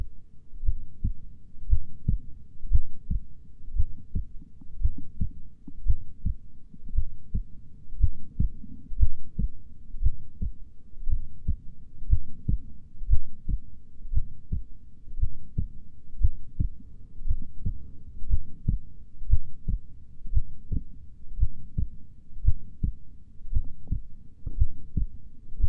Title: Slowly heartbeat sounds